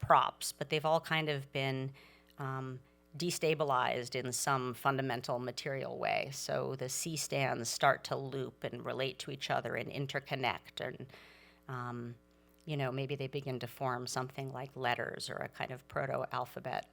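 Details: Adult speaker; Normal speech.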